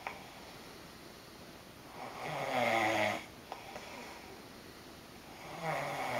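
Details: Adult man snoring while sharing a hotel room, keeping his roommate up all night: loud rattling snore on the in-breath, a quiet gap, then the next snore starting.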